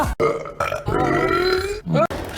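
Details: Burping from a burp compilation: a long, loud, voiced belch with a rising and falling croak, then a shorter second burp, amid casual group chatter and laughter.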